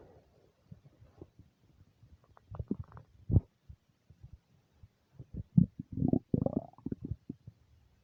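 Low gurgling and rumbling from the belly, building to a loud growl; ordinary hunger rumbling of an empty stomach.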